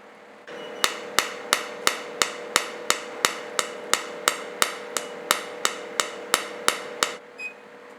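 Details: Sharp, evenly spaced snapping clicks, about three per second over a steady hum: an Nd:YAG laser firing pulses in hair removal mode on a dual Er:YAG plus Nd:YAG 4D machine, after choosing spot size, hair colour, energy and frequency.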